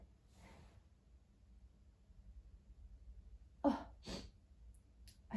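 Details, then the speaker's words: Person sneezing after putting up a very dusty Christmas tree, which always makes them sneeze: a soft breath, a pause, then a sharp two-part explosive sneeze in a quiet room with faint low hum. "I really enjoy putting up the Christmas tree um um and it always makes me sneeze as you can tell"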